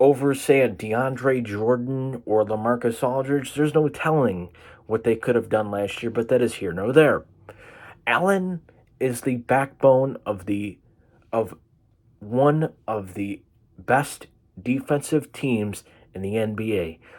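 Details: 22-year-old man with cerebral palsy diagnosed at birth, affecting vision, hand-eye coordination and left-side strength, causing an occasional stutter; stuttering (cerebral palsy).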